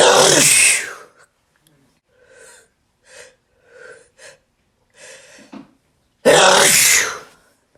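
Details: Person sneezing repeatedly: two loud sneezes with quiet catching breaths and small sniffs between them; sneezing.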